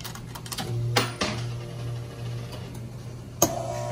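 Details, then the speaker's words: Vintage coin-operated blood pressure machine, man's whole arm inserted: mechanical clicks and clunks over steady motor hum as the cuff inflates; reading was normal-range blood pressure. "so we're gonna put our quarter in there and get his reading"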